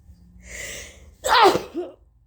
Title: Three HUUUUUUUUGE sneezes!!!!! OMG!😱🤧😓